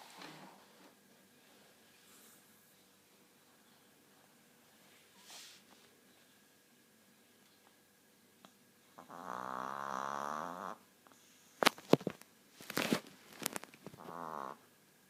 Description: Chihuahua Sofia, 9yrs snoring. She snores 24/7 since her snout/nose is short.